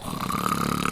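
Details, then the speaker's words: A brief, low, rattling, snorting single snore with a fluttering buzz, presented as an annoying sound; snoring. "then join me as we dive into our number 10 now. And we have snoring."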